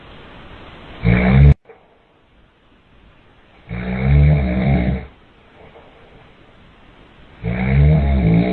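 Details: Loud, low, rattling snores from a sleeping father, recurring with each breath at about 17 a minute, with quiet room noise between: snoring.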